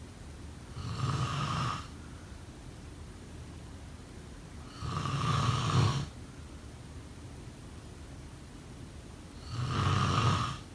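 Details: Three low, rattling snores on breaths in, about 13 per minute, separated by quiet breathing out over steady room noise: snoring.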